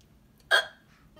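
One abrupt, short voiced hiccup against quiet background noise; a hiccup.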